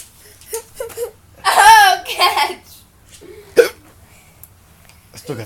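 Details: Brief speech and vocal sounds with one sudden, sharp catch partway through: a hiccup.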